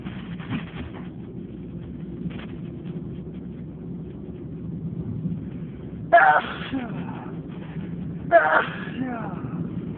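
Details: Two sharp sneezes a couple of seconds apart over steady low background noise, from a morning with many loud and stifled sneezes: sneezing.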